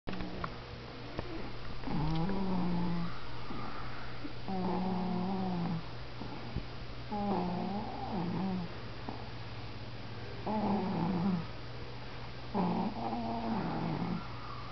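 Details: Repeated buzzing, slightly whistling snores, roughly 20 a minute, during sleep over a steady low electrical hum; snoring that has recently started.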